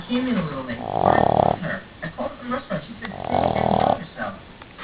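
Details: A sleeping Boston terrier snoring loudly: two rough, rumbling snores, each about a second long, with quieter breathing and snuffling in between.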